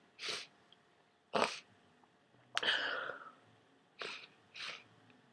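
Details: A person with a head cold who took a strong decongestant gives five wet, explosive sneezes in quick succession, one followed by a drawn-out spray.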